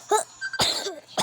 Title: I have a cough today :(